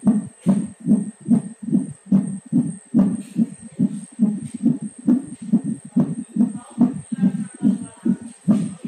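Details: Rapid, regular whooshing thumps at about 143 beats per minute heard through a Doppler; fetal heartbeat at 9 months of pregnancy, normal rate.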